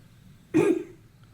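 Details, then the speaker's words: Adult female subject in a spirometry lab does quiet breathing, then a single short, forceful voluntary cough with high outward airflow, in a quiet room before and after. "all right so now our subject is going to do some quiet breathing and then she is going to cough and just like a conflict just something gotta get out"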